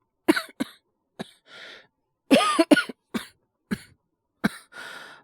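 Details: Acted cold cough by a male voice actor in a role-play of a coworker recovering from a late-summer cold: short bursts of dry coughing with breathy intakes between; all performed, not real.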